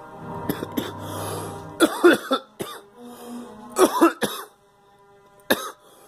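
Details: Girl gives several short, harsh coughs in small clusters over a few seconds, with soft music playing in the background; cough.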